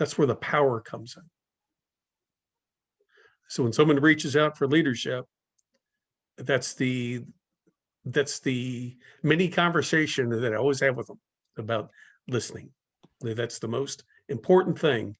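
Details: Speaker in a stuttering-community talk series, with long pauses between words suggesting blocks; stuttering.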